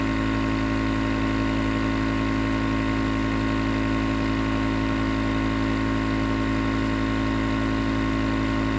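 Steady loud mechanical hum and buzz with no breaks; a nebulizer compressor running continuously.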